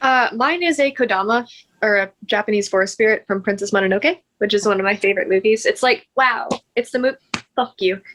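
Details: Woman with Tourette syndrome with vocal and motor tics, including interjection and swearing tics and echolalia; tics worsen with anxiety and tiredness, and she reports being tired that day; finding: vocal tics.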